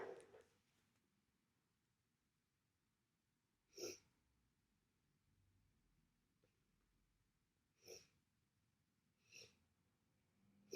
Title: Congestion, sniffling, sneezing bad cold.